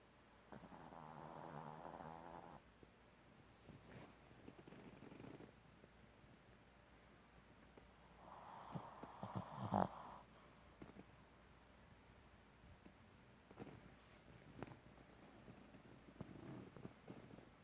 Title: 떡실신 코 고는 강아지